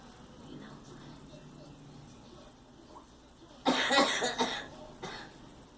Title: Girl coughing